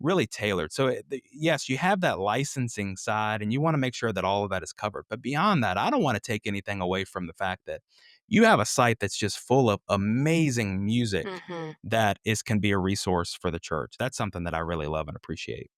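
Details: Adult male speaker; normal speech.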